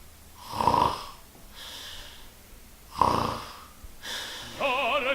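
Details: Simulated snoring acted in a comedy skit: two loud rasping snores with soft out-breaths, then a sung note breaks in.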